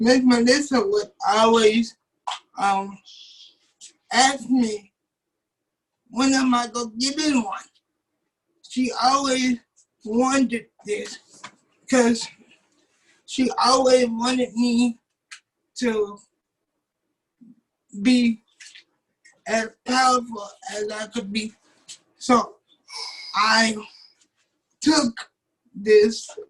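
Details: 27-year-old man with cerebral palsy since birth, wheelchair user, whose muscles do not work like others'; doctors told his family he would never talk; dysarthria in cerebral palsy.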